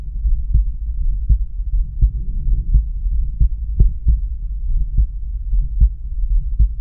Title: Heart Exam At Aortic